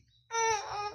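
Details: Baby girl crying when she's already sleepy: a brief, loud infant cry with a clear, tuned wail starting abruptly after quiet; an ordinary baby cry.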